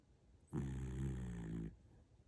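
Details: Sleeping dog or puppy snoring: a single deep, droning snore lasting just over a second.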